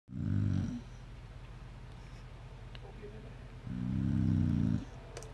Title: Dog snore